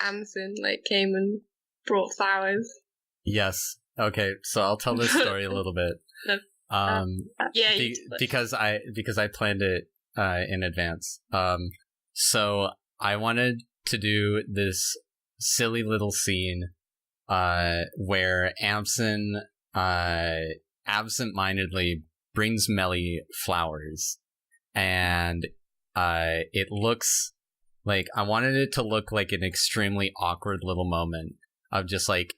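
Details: Man who self-reports stuttering, with word and phrase repetitions heard; stuttering.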